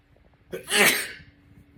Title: Roommate sneezing on me. 🙊😆